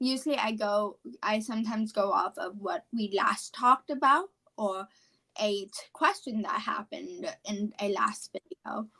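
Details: Apraxia of speech, a neurological speech disorder, in a 17-year-old female high school senior.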